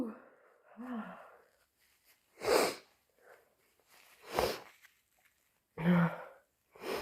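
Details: Induced repeated sneezing: three loud, explosive wet sneezes, preceded by sniffing and a low voiced intake.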